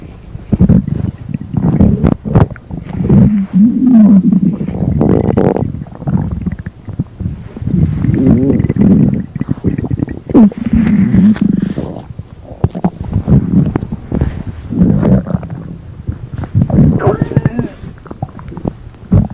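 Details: Low, gurgling, rumbling growls rising and falling for about twenty seconds: ordinary stomach growling (borborygmi).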